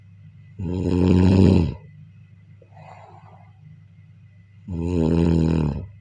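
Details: Snoring of a sleeping person, presented as something to listen to while falling asleep.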